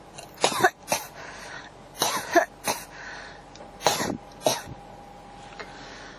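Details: Three pairs of sharp, dry coughs in quick succession over six seconds: a persistent cough that won't stop.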